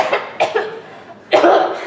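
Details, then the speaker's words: Simulated lung cancer in an acted skit: two or three harsh coughs, then a longer coughing burst; persistent bad cough for a few weeks, with rib pain when coughing. "I know, I've had this really bad cough for a few weeks, and my ribs are kind of hurting when I cough too."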